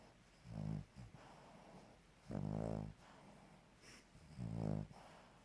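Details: Sleeping dog snoring: low, fluttering snores with each breath, about three in five seconds, with soft breathing between.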